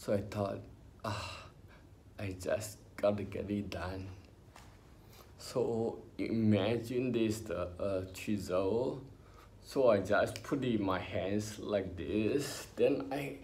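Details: Adult man with spinocerebellar ataxia, diagnosed by a neurologist about 20 years earlier when he was in his early twenties; ataxic dysarthria.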